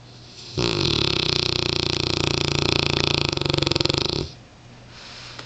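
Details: Sleeping Mastiff rescue dog: one long, loud, rattling snore lasting several seconds; ordinary snoring.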